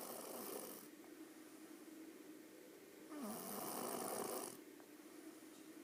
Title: Lilly Snoring :)))